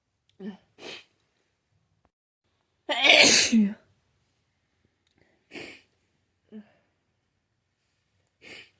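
A series of sneezes, one loud and forceful among several smaller ones, in a quiet room; repeated sneezing with a cold.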